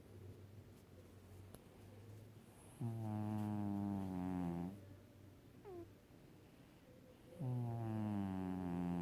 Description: My cat Kiiro (5 years old) sleeping and snoring over my stomach.